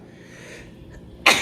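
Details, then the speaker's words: A single sharp sneeze after quiet room noise, part of repeated sneeze attacks. "One more for good measure. I get sneeze attacks."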